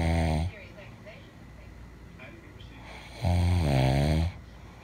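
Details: Loud, deep rattling snores on the in-breath, with quiet breathing between them, from a person sleeping: ordinary snoring.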